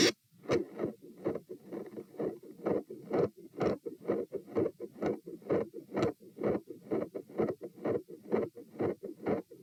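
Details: Stethoscope probe moved through aortic, pulmonary, Erb's, tricuspid, mitral, then aortic areas: regular heartbeat about 64/min, continuous whooshing murmur, extra click near S2, both aortic-area only; scraping as probe moves; sound drops on sitting (possible PFO, uncertain).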